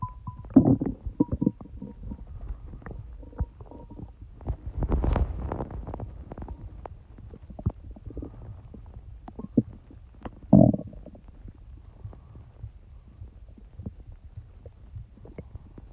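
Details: Stomach noises of an adult who has a cold: irregular gurgles, squeaks and low rumbling bursts from the abdomen, typical active bowel sounds (borborygmi).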